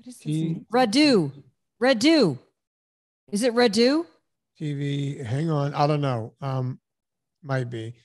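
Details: Adult man with a long-standing speech impediment; his tongue comes fully out on the th sound and sits in the wrong spot, and words like Meredith, mother and Mary remain hard; articulation disorder (speech sound error).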